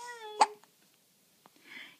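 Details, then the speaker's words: Little girl with hiccups that happen every time: a short whine cut off by one sharp, abrupt hiccup, then soft clicks and a faint breath. "oh you're just a little hicup girl you're just a little hickup girl"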